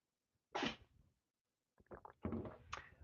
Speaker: Can you hear Max? He's down here sneezing.